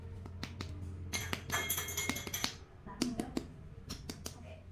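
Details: Repeated sharp finger taps in abdominal percussion over the spleen (lien) area during a head-to-toe physical exam demonstration, after percussing the abdomen, where tympany is normally expected.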